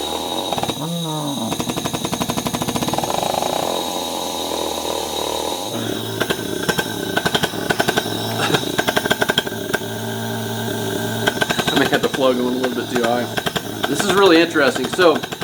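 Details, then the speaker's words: Vortran Percussive Neb in use, breathed through by the reviewer, felt as extra resistance like EzPAP: rapid buzzing pulses like a small engine, hissing airflow and breathing; percussive nebulizer running. "it feels like [Music] comfortable small engines running but what it really feels like is a lot of extra core resistance"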